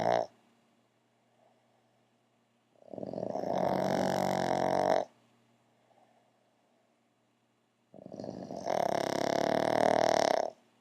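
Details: Two pug dogs sleeping on a couch snoring together: two long, loud, rough rattling snores separated by quiet pauses; heavy snoring.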